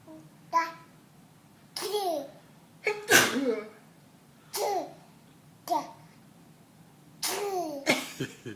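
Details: Baby imitating his mother's sneeze, not truly sneezing: several short, sharp 'achoo' bursts with squeals in between; his first time doing it.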